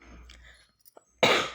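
Quiet room sounds, then a single loud, harsh cough burst at the end; an adult cough during a cold.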